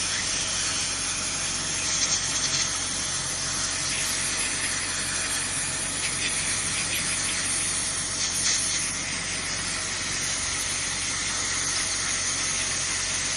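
Steady loud high hiss of pressurised air and water spray from a dental air polisher during tooth cleaning.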